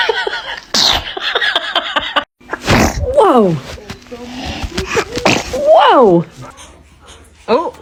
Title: Part 1 | Baby sneezes! Cute and funny baby videos #funnybaby#cutebaby